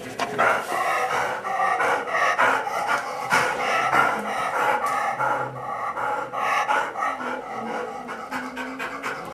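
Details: Dog with laryngeal paralysis panting rapidly with harsh, noisy inspiratory stridor, often noticed when panting with exercise or excitement.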